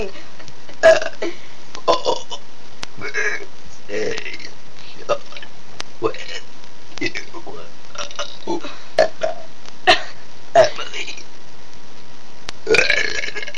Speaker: let's have a burping conversation okay you go you have to burp in every word